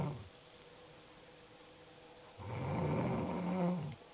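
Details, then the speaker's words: Sleeping person: a quiet pause, then one long, rasping snore on the in-breath over a low room hum; ordinary snoring. "morning lumberjack you need some oil for that chain sighs you're running gonna be real attractive"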